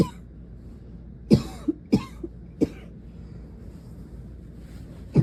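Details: Night-time coughing attack in a girl lying face pressed into her pillow: four muffled cough bursts, each with a short rattling tail, over quiet room hum, part of a bout lasting most of the night.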